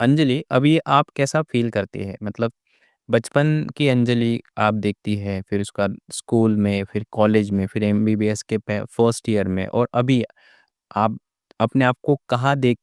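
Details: Adult male speaker; normal speech.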